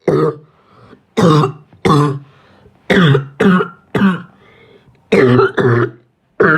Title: Coughing 1